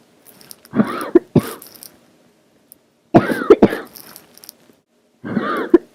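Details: Person's sick-day cough turning barking for the first time: three harsh, hoarse coughing bouts with a brassy, barking edge, separated by pauses.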